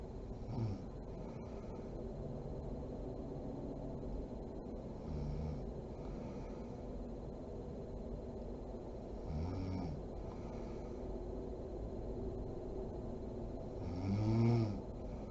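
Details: Sleeping mother: quiet, low snoring rasps about every four to five seconds, roughly 13 breaths a minute, over steady room hum; snoring during sleep.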